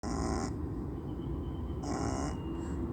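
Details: Sleeping pug dog snoring: two loud, rough, snorting snores with a low rumble underneath.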